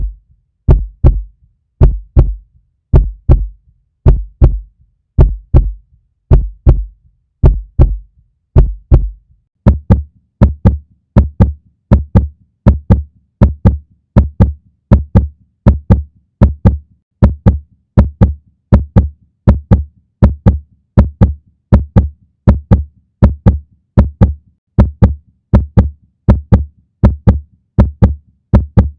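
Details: A puppy's heartbeat: steady, deep lub-dub thumps, slower at first and then quicker after about ten seconds.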